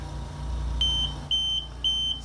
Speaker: as you can hear it's a fast intermittent beep and that's the alarm that's going to indicate that you have some kind of flow issue